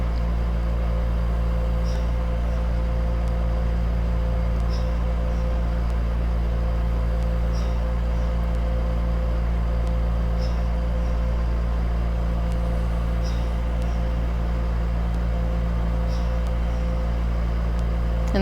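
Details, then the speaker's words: DeVilbiss 10-litre oxygen concentrator used as alternative MS therapy: loud, steady motor hum with soft regular hiss of gas pulses while warming up before the ready light turns green; louder in person than recorded. "it is a pretty constant noise but it is definitely loud and the very first thing that happens when you turn it on is there's a huge loud beep"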